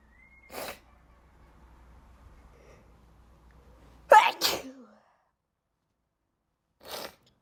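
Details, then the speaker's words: Person with allergies (a recent cold now gone; suspects their cat) in a sneezing fit: a few sharp, explosive, unstifled sneezes, including a loud double sneeze, in a quiet room. "oh that was a wet one"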